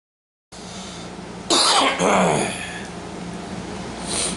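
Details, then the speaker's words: Cough from a COVID-19 infection at 2:30 a.m., on the third night the person cannot sleep lying down: two harsh, forceful cough bursts in a quiet room, followed by a softer throat-clearing. "so now it's uh 2 30 in the morning and i can't sleep laying down again coughing so am i sleeping in the living chair again"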